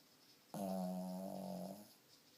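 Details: Sleeping dog snoring: a single drawn-out, buzzing, rumbling breath lasting over a second; the owner jokingly calls it a snoring issue and dog sleep apnea.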